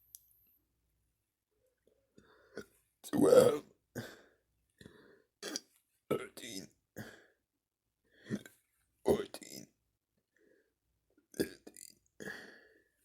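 A string of voluntary belches, each shaped into a spoken number while counting aloud.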